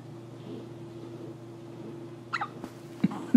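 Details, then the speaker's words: A young girl's big hiccups late at night at bedtime, a kind her parent also gets: a few sudden, sharp, gulping catches over a steady low room hum. "so we have found a new phenomenon with elena ray mclean the hiccup apparently they're hereditary because i also get those same hiccups"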